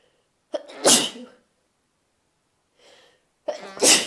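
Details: Two morning sneezes from a female, each with a quick inward breath and a sharp burst; she has sneezed about four times since waking roughly two hours earlier.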